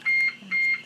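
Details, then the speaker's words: Siemens Servo 900 ventilator during a setup demonstration with an oxygen supply: two short, high-pitched electronic alarm beeps, silenced by pushing a button. "now to silence the alarm to silence alarm you push that button good"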